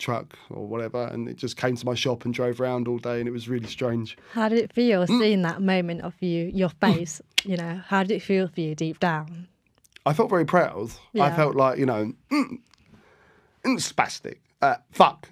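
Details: Tourette syndrome vocal tics with coprolalia in an adult man; tics began at 14 after a minor ski fall, motor tics first, then vocal tics 4–5 months later; involuntary, worse when nervous.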